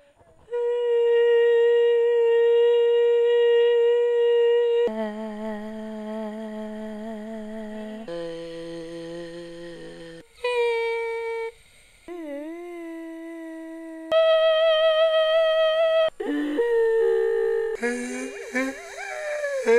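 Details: Sustained phonation during stroboscopy of vocal cords with mucosal swellings (polyps, nodules, capillary ectasias) of varying shapes and sizes; vocal fold polyps.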